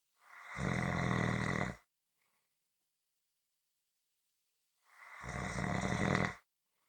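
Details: Two loud, rough, vibrating snores separated by a few seconds of silence: snoring.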